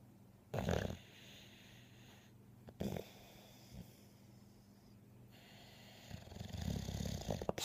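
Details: Dog snoring: low, snorting breaths every few seconds with quiet gaps, and a longer rumbling one at the end.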